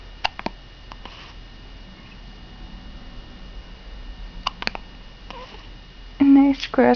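Brief sharp catches of breath repeat irregularly, some in quick pairs, in a quiet room, with voices at the end; hiccups.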